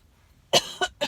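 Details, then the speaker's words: Adult with a lingering, persistent cough, said to feel rattly, coughing while eating sushi: three quick harsh cough bursts, the first loudest. "it's like horrible so I do apologize for all the coughing but it sucks"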